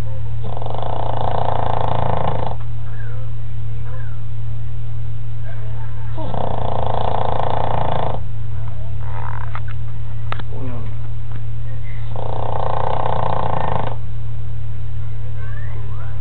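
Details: Dog that sleeps about 22 hours a day, snoring terribly in sleep: loud, buzzing snores about every six seconds over a steady low hum, with faint snuffling between.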